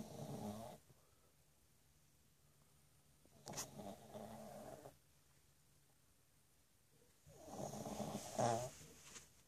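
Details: Pug (Tank) snoring after playing: soft, rattling snores in bursts separated by quiet gaps; snoring in a small flat-faced dog.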